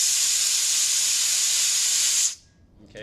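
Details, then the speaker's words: Steady loud hiss of oxygen escaping a slightly opened oxygen cylinder valve, pointed in a safe direction, stopping abruptly when closed; the cylinder holds about 2,000 pounds of pressure. "if I open it slightly I'm gonna hear the air come out"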